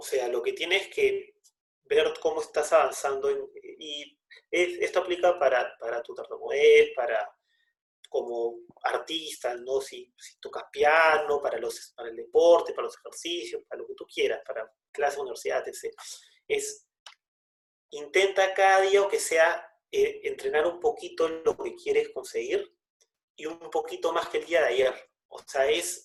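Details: Spanish-speaking man who stutters, speaking spontaneously; stuttering.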